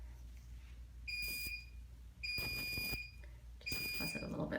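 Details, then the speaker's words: Dermatology office procedure by a board-certified dermatologist, treating a skin bump with a part sent to confirm: three bursts of high steady electronic buzzing, about half to one second each, from an electrocautery device. "careful my foot buzzing noise you're going to hear"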